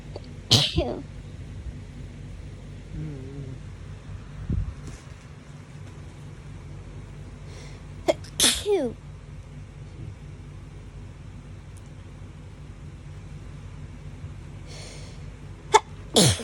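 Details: Several separate sharp, explosive hay fever sneezes over a steady background hum, from a compilation filmed over 3–4 days.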